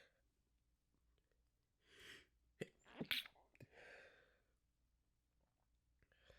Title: A Few Sneezes and a Stifle